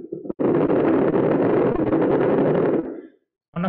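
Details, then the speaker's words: During an online neuroscience practical, the forearm is recorded with surface EMG while the wrist is flexed, and the amplified signal plays through a loudspeaker: a loud, dense crackling roar of rapid irregular pops for about 2.5 seconds. "This BA-LA-LA-LA sound is ... coming from a loudspeaker that recieves the same magnified EMG singal. Therefore, you can hear the signal too as you visually observe the signal."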